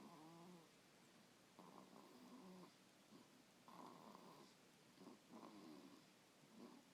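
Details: Snoring while asleep in a swing: quiet, irregular snoring breaths, roughly 38 a minute, with faint room noise.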